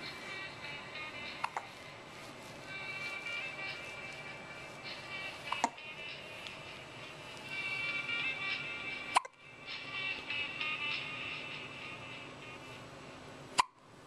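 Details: Baby hiccupping: four brief, sharp hiccups spaced several seconds apart, with soft music in the background. Recorded in 2011 on a Flip Video camera.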